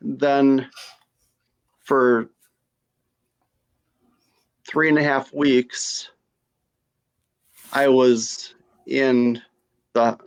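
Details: Female stroke survivor with non-fluent aphasia after her stroke.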